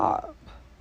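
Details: A single short, throaty burp fading within a fraction of a second, from an adult with painful hiccup burps that recur about once a week; belching.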